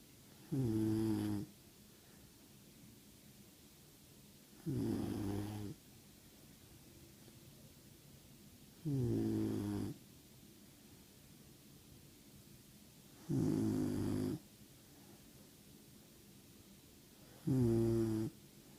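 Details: Loud, rough snores at regular intervals, about 14 a minute, with quiet gaps between, from a sleeping 16-week-old German Shorthaired Pointer puppy after a long day at the beach; ordinary snoring.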